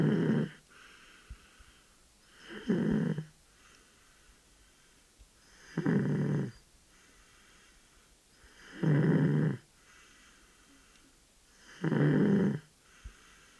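Steady, rumbling snores with each breath, about 20 a minute, in a quiet room; ordinary snoring in a sleeping toddler.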